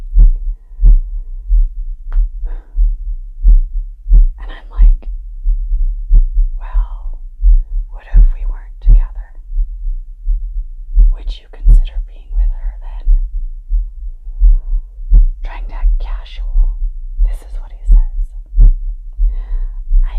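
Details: Steady, deep pounding heartbeat of the speaker, stated as 100 BPM, heard at roughly 90 to 100 a minute with soft whispered speech over it; rapid heartbeat.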